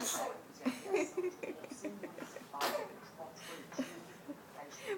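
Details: Baby playing at fake sneezing, short breathy bursts mixed with giggles and adult voices; playful imitation, not a true sneeze.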